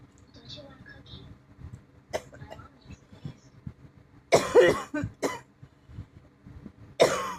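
Several harsh, forceful coughs in short bursts over quiet room noise; a dry-sounding cough.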